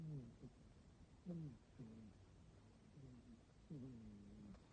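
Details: Sleeping cat gives soft, low, wavering snores in short bursts every second or so, over a noisy, muffled, distorted recording, before she wakes up; snoring.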